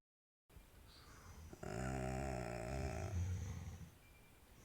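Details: snoring: one long, low, buzzing snore on a breath in, then quieter breathing.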